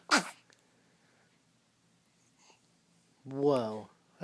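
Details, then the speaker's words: Sneezing: a sharp, explosive sneeze at the start, then a brief whine-like vocal sound near the end, with quiet between. "a lot of sneezing that's a lot of sneezing bless you you're a good boy"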